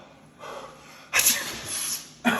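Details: A short in-breath, then a loud explosive sneeze and the start of a second burst, in a snoring person after ground pepper was placed below the lips to stop snoring; sneezing.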